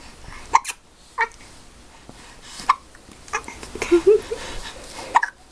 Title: Hiccups go away!